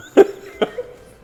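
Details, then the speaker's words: Person with Tourette syndrome demonstrates a favourite vocal tic: two abrupt, throaty cough-like bursts in quick succession. "Tick mag ich sehr gerne, aber gibt es irgendeinen Tick, den ihr besonders gerne mag? Den zum Beispiel."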